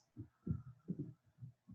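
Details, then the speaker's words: Mitral stenosis, with weak, often irregular pulse from atrial fibrillation: low-pitched rumbling diastolic murmur heard at the apex. "you can hear a low pitch rumbling diagonal diagnostic murmur which is heard at the apex"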